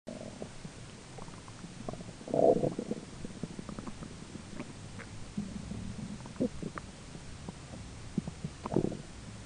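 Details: Own belly recorded during digestion: low, irregular gurgling and rumbling over steady room noise, roommate talking in background; ordinary bowel sounds.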